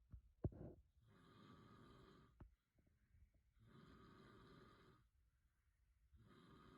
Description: Weimaraner dreaming while husband snores